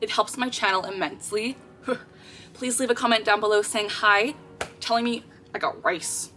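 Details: Girl with Tourette syndrome producing an involuntary vocal tic phrase that interrupts her speech; vocal tic (Tourette syndrome).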